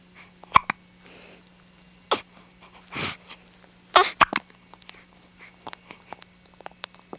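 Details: Young child with hiccups: several short, sharp, abrupt hiccups at irregular intervals in a quiet room.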